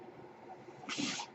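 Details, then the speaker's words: A podcast host who uses a mechanical ventilator is speaking, and the ventilator's breathing noise is audible during his speech: mechanical ventilator breath sound. "My name is, and that noise you're hearing is my ventilator."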